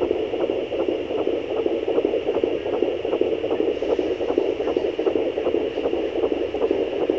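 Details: Fetal heartbeat at 13 weeks of pregnancy on fetal Doppler: rapid, regular whooshing pulses at about 150 beats a minute over a steady hiss.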